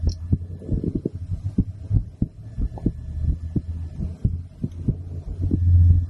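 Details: Adult female's heartbeat recorded with a stethoscope after a blood draw, while she is under a specialist's care: regular low thumping heartbeats with a steady low hum behind.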